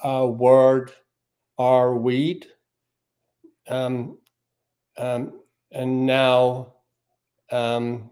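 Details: Aphasia in a male speaker.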